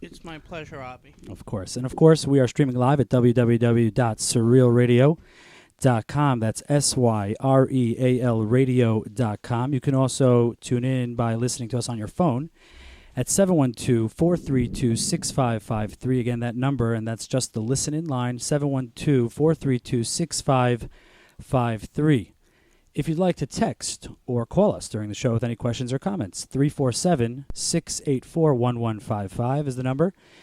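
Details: Adult male speaker; Normal speech.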